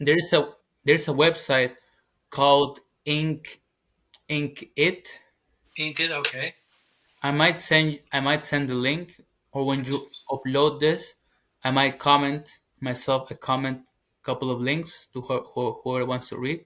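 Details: 21-year-old man, English as second language, former covert stutterer now stuttering openly. Finding: stuttering.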